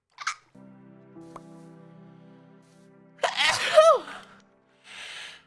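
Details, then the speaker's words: A single sharp sneeze with a rising-then-falling voiced cry over faint background music, during a Minecraft livestream; sneeze. "i look away from the monitor when i sneeze i go like wait you can check the vibe"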